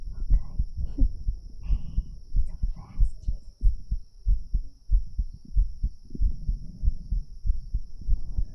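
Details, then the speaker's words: A person's own strong, steady heartbeat at about 94 beats a minute, slightly fast, with some handling rustle early, described as really powerful. "I'm kind of scared because my heartbeat is really powerful."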